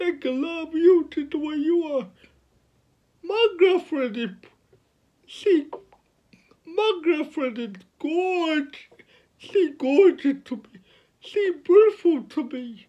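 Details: 29-year-old man with cerebral palsy from birth, born at five months (premature), speaking about his own life; dysarthric speech in cerebral palsy.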